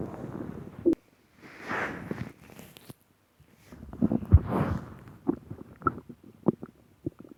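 Irregular low gurgles, rumbles and bubbly pops: stomach growling, ordinary bowel sounds of gas and fluid moving through the gut.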